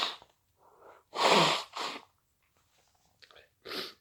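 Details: Deliberately induced hayfever sneezes: two sneezes in quick succession with a sharp inhaled build-up, then a third; repeated sneezing from hay fever.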